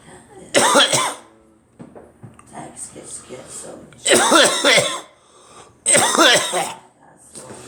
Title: Me coughing